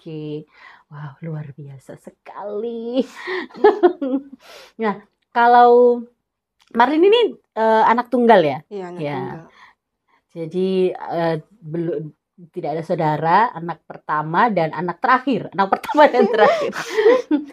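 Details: Adult women in conversation; ordinary speech.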